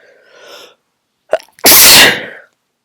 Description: I tried to announce my sneezes but these were so strong it was hard.